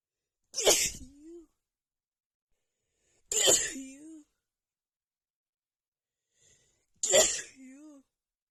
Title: (f) Back with a huge cold sneeze attack